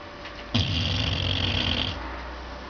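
A single rough, buzzing snore lasting about one and a half seconds from a sleeping dog: snoring.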